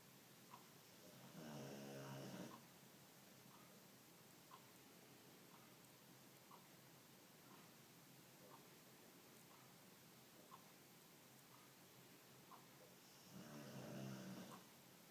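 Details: Two loud, rattling snores about twelve seconds apart, with quiet breathing and faint regular ticking between them in a quiet room; snoring.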